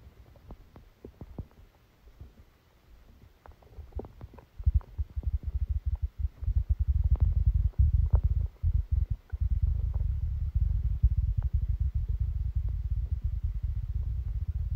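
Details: Stomachache after Christmas dinner, recorded while the person was sleeping: low continuous gurgling and rumbling from the abdomen, louder in the second half, faint room noise; active bowel sounds.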